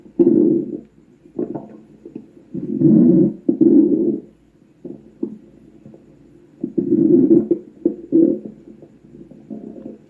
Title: The Shadow Crazy Stomach Growl